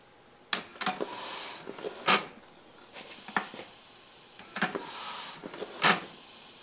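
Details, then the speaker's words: Homemade ventilator built from a CPR mask, windshield-wiper motor, foot pump and solenoid valve: repeated pump strokes with valve clicks and air hiss, slowly cycling; micro switch opens the valve for exhalation, then closes so the pump pressurizes the mask. "When this micro switch is engaged, this valve opens, allowing the person to exhale. The moment the pump comes off the micro switch, that valve closes, allowing the pump to pressurize the mask."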